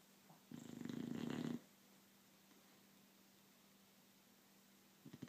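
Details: Snoring in a sleeping pet: one rough, rattling breath about a second long, quiet with a faint hum, another starting at the end.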